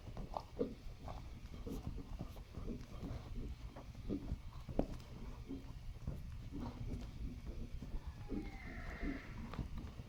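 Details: 2004 Quarter Horse gelding walking: hoofbeats with short sharp pops at some steps from the right fetlock joint; vet found him not lame and attributed the sound to synovial fluid.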